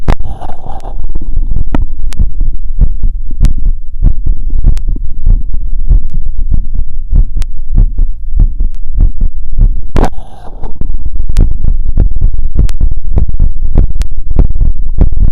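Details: Heart auscultated with a wired stethoscope after a 2 km run: fast, regular heartbeat about 150 bpm with normal heart sounds; sinus tachycardia after exercise. Sites listed: pulmonic, aortic, Erb's point, tricuspid, mitral.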